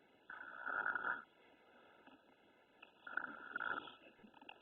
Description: I don't know whether to feel bad that my baby snores or feel bad for his future wife.